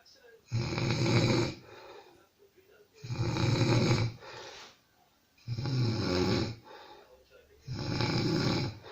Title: Funny Snoring